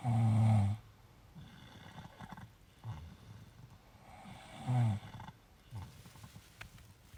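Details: Two sleeping after a long walk, snoring: deep, rumbling snore, then softer snuffling breaths and a second loud snore.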